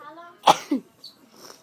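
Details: Adult woman (wife) who sneezes repeatedly once started, one sharp explosive burst with a short intake before and faint vocal tail; a single sneeze.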